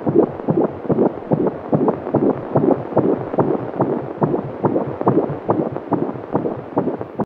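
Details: Fetal heartbeat: rapid, regular whooshing pulses at about 143 beats per minute.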